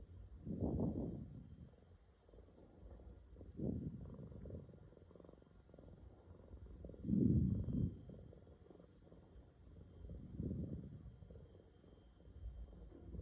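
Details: Low, rumbling snores with each breath, about 18 breaths a minute, in a quiet room; loud snoring from a sleeping roommate.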